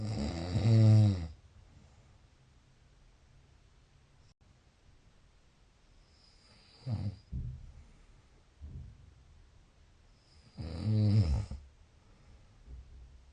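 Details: Loud, low, rattling snores recurring about every ten seconds with quieter breaths between; snoring during sleep.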